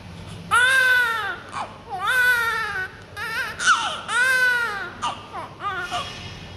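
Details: Newborn on first day in hospital: rhythmic bursts of loud, clear crying separated by short breaths; a normal vigorous newborn cry.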